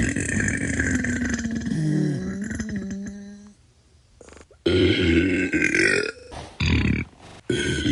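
Several long, low, rumbling belches, some drawn out with a croaky rise, separated by brief pauses; repeated burping, from a sound-effect compilation.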